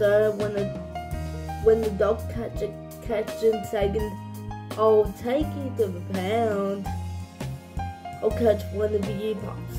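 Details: Adult speaker; dysarthric speech in cerebral palsy.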